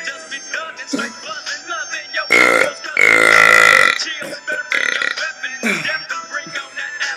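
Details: Two long, loud, voiced burps back to back, heard over background music and voices; burping.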